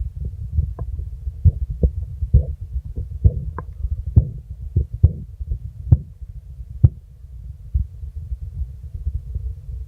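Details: Korotkoff sounds heard over the arm during nursing vital-signs blood pressure measurement: soft, low tapping beats with a low rumble.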